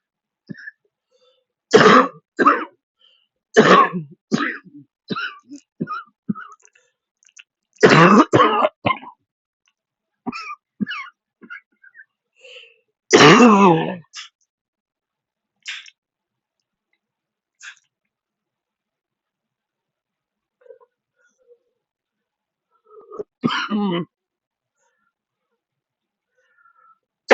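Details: Adult wheezing who could not use their inhaler properly: repeated harsh coughs in short bouts that wouldn't stop, with throat clearing and quiet pauses; persistent cough.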